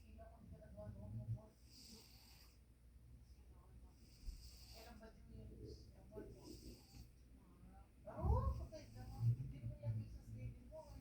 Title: Tama snoring😅